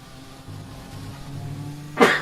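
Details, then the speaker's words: A single sudden loud adult sneeze from a commentator during a racing game stream, over a low steady engine hum, followed by an apology. "jesus i sneeze sorry right anyways"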